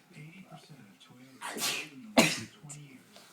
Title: Perfect sneeze